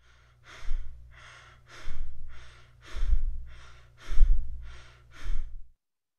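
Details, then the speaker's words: Tachypnea shown in a respiratory failure lecture for medical students: fast, shallow breathing with quick in-out breaths, about 55 per minute, an abnormally rapid rate seen in pulmonary embolism and panic disorder. "next we have tachypnea which is the rapid breathing and we see this in many disorders such as pulmonary embolisms mis panic disorders and many others and here is how it sounds like"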